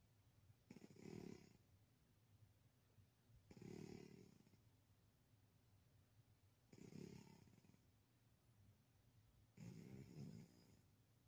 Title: 💤😸 SNORING POTATO #maincoon #snoring #kitties #cute